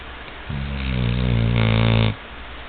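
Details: Person imitating a Labrador's chainsaw-like snore: one long, low, rattling rumble growing louder. Imitated snoring.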